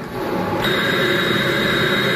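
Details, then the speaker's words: Steady loud motor hiss and whine shifting in pitch partway through: a battery-capable Philips mechanical cough assist device, used by a person with muscular dystrophy, switching from air-in to air-out. "das Prinzip ist eigentlich ganz einfach entfernt Luft reingepumpt und das die Luft ziehe ich dann ein und dann werden ein Hebel umgestellt die Luft wird gesungen"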